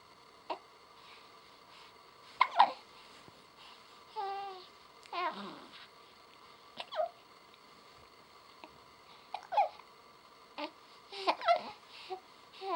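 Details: Infant labelled "day 40": repeated brief, sharp catching sounds at irregular intervals with soft babbling between, in a quiet room; hiccups.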